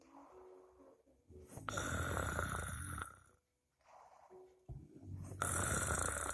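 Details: Two loud, rattling inspiratory snores with quieter breathing between, from a sleeping adult recorded by a friend while snoring.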